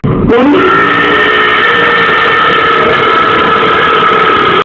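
One very loud, sustained, rumbling belch lasting over four seconds. Prolonged burp.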